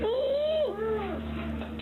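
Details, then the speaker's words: Child in pediatric infection/ICU teaching, sleeping or somewhat stuporous, with severe suprasternal retractions: harsh, high-pitched, crowing inspiratory stridor present even at rest, marking severe upper airway obstruction that needs oxygen. "you can see the child is more or less sleeping, or in fact is somewhat stuporous, and has got severe suprasternal retractions and is producing that stridor even when in this situation."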